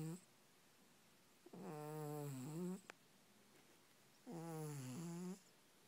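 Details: Loud, low, buzzing snores from a sleeping cat, about 23 per minute on each breath, in a quiet room.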